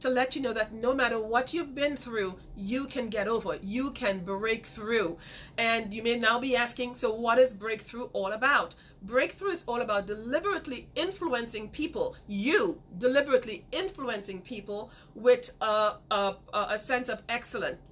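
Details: Woman who grew up with a major speech impediment and still stutters sometimes; word repetitions; stuttering.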